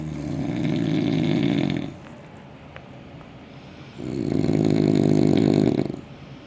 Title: SUPER LOUD SNORING